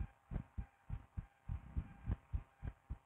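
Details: Stethoscope on a woman's chest, her own heart: soft, regular low thumps about 100 beats a minute with light background hum; normal heart sounds.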